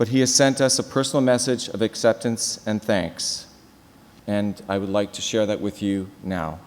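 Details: Adult male speaker; typical speech.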